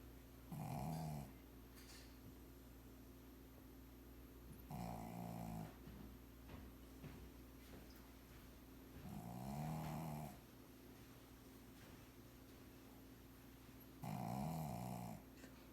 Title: Frida the Pug Sleeping and Snoring